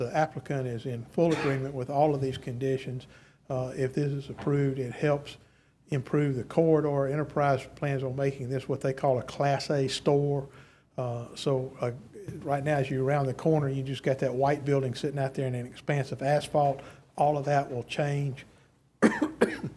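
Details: Adult man speaking; Normal voice.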